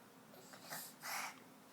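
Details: Two quick breathy nasal bursts, the second stronger, in a quiet room, from someone sneezing while playing with a toy; a small sneeze.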